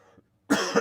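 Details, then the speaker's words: A single sharp, harsh cough after a brief pause, from an adult speaker on a live show who says he is overcoming a cold; cough. "also you will hear me coughing and like that because I am overcoming a cold"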